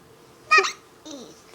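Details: Young child with hiccups while family try remedies like breath-holding, jumping and counting to ten: a single sharp voiced hiccup, then a brief rising vocal sound; hiccups.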